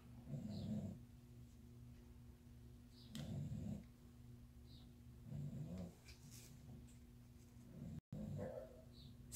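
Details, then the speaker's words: English bulldog whose flat face makes breathing hard, snoring even when awake: loud, low rattling snores at about 21 per minute, a sign of airway obstruction; brachycephalic snoring. "I don't know if you can hear my dog she's snoring she's an English bulldog so even when she's awake sometimes she snores cuz her flat face just makes it kind of hard for her to breathe"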